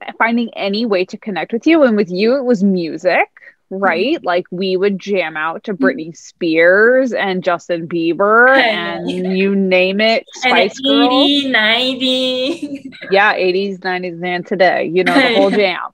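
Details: Adult woman speaking, possibly with a second speaker briefly; normal conversational speech.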